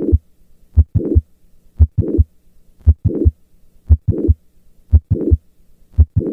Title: MITRAL VALVE PROLAPSE - APEX | HEART SOUNDS | AUSCULTATION | MURMUR